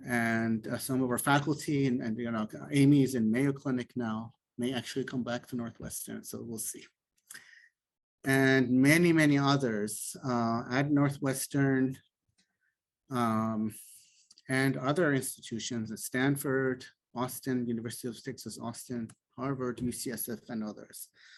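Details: Adult male speaker; typical speech.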